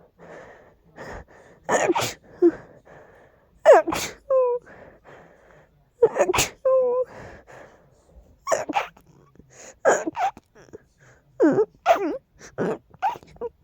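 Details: Strong allergy sneezing fit: a rapid series of forceful sneezes, several in about fourteen seconds, with sharp inward gasps between them.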